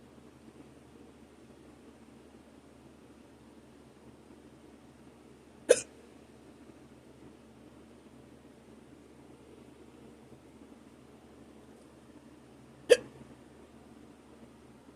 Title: Hiccups (audio only)